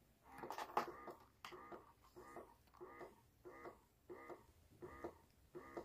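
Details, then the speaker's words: A Mutter electric breast pump running normally with its diaphragm visibly moving: quiet, regular rhythmic whirring pulses about every 0.7 seconds as the motor cycles suction. "kelihatannya Bunda diafragmanya gerak-gerak nah gitu kalau di pasar pompa dengan normal"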